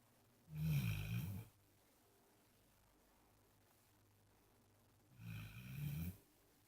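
Two low rumbling snores about four and a half seconds apart in a quiet room, the steady snoring of a sleeping dog.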